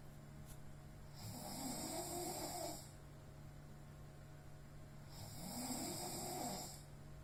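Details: A person sleeping deeply from exhaustion and snoring loudly without noticing: two long, rough, low snores on inhalation about four seconds apart over steady room hum; snoring.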